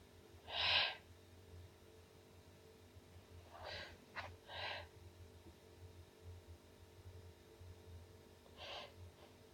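Several soft, breathy bursts over about ten seconds against a steady low hum. Repeated, fairly muffled sneezes.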